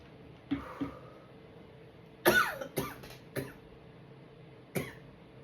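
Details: A run of about six abrupt, explosive sneezes, a couple small and stifled, after inhaling a sneeze-inducing powder that also triggered coughing; a bout of sneezing.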